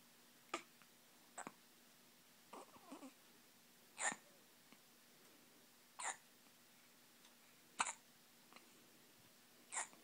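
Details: Repeated short, abrupt voiced catches about every two seconds, roughly 16 a minute, against quiet room hum; hiccups.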